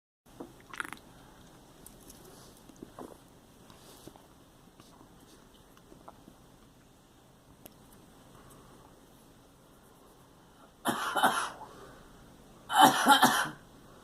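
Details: Young girl gives two short, harsh coughs after a quiet stretch with faint clicks.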